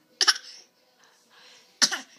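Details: 7-month-old infant making a voluntary fake cough: two short, high-pitched pretend cough bursts, not from illness.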